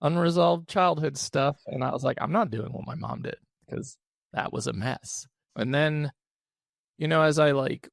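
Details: Adult male with unilateral vocal cord paralysis after open throat surgery for a rare chronic recurring throat condition (endoscopic surgery 2021, recurred within 4 months); voice improved but still has vocal fry and gives out for the day once tired.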